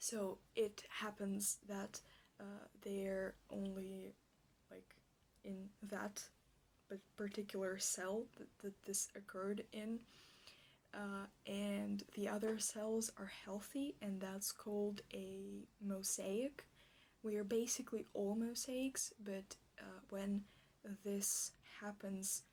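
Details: Stuttering with word repetitions in an ASMR roleplay by a speaker who states they stutter like this in real life.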